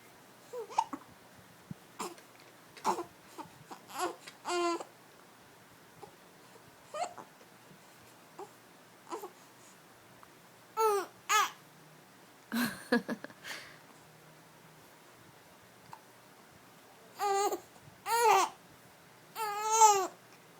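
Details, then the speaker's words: Baby getting mad at her hiccups: short, abrupt voiced catches recurring irregularly, with a few longer vocal sounds among them in a quiet room. "You got the hiccups? You got the hiccups? What?"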